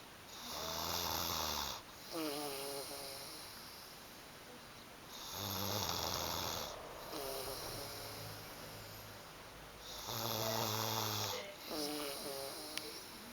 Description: snoring!